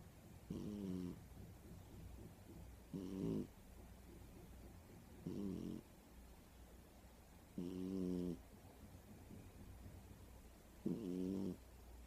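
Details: Sleeping cat snoring: soft, regular snores, five in about twelve seconds, roughly 25 breaths a minute, with quiet room noise between.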